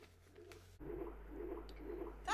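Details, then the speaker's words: Fisher-Price Soothe 'n' Snuggle Otter soother toy playing simulated womb noise; rhythmic low whooshing pulses imitating blood flow with each heartbeat: simulated womb sound. "actually sounds like a real womb noise when I I've seen things on TV you know when people are getting SC it's like blood flow isn't it um it's like the sound of the flow of blood with each heartbeat"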